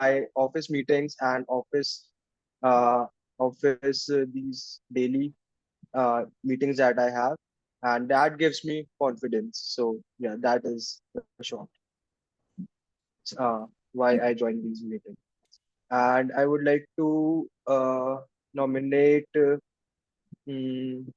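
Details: Adult male, member of an Indian stammering association for 12 years, who refers to people who stammer as "us", suggesting he stammers himself; speaking in a Zoom workshop; stuttering (stammering).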